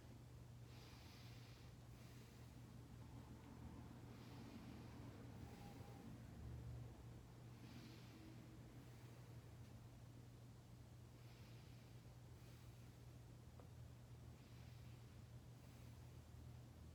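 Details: Normal breath sounds heard by stethoscope during a respiratory assessment, with the patient taking a deep breath at each stethoscope position.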